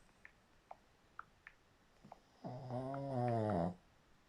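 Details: A few faint clicks, then one drawn-out, buzzing snore on a single breath lasting over a second; snoring.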